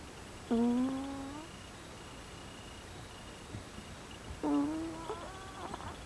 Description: This is my cat, Sai May. My girlfriend video'ed this - she's always amused when she snores.